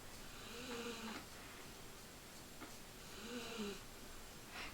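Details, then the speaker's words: A sleeping dog gives two soft, buzzing snores about two and a half seconds apart in a quiet room: snoring. "Can you hear Jelly snoring? She's um She's got ants in her pants."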